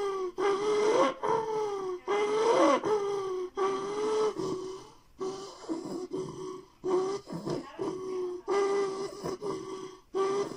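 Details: Child's tonic-clonic seizure ending with heaving: repeated loud, strained, moaning breaths about 36/min; the seizure's end blurs into recovery; heavy laboured post-ictal breathing.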